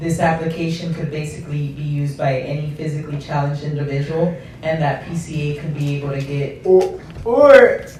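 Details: Adult man speaking; normal speech.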